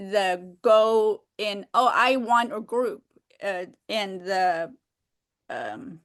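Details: Woman with aphasia who has trouble expressing herself; aphasia.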